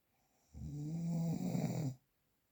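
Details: A real, unprocessed recording of a single low, rattling snore lasting about one and a half seconds in a quiet room; snoring.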